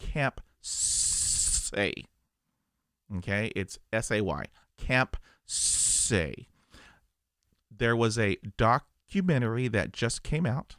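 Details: Adult male who stutters; stuttering.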